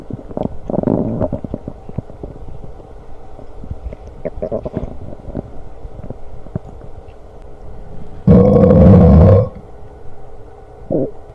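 Low gurgling rumbles with a loud, longer growl near the end; ordinary stomach growling, a normal sound of gut activity.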